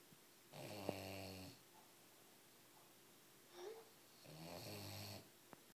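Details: Female bulldog sleeping, two loud buzzing snores a few seconds apart with a faint squeaky sound on the breath between; snoring.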